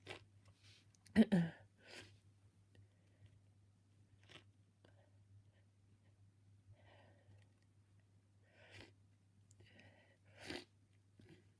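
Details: Person sneezing repeatedly: two loud sneeze bursts close together, then softer, partly stifled sneezes and breaths at the end, in a quiet room with a low hum.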